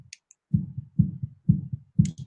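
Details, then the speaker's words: A single synthesized heartbeat sample, the base used to create heartbeats of variable tempo and loudness: regular two-part lub-dub thumps at about 120 beats a minute. "and it all starts off with just one heartbeat sample okay and that that's what it sounds like"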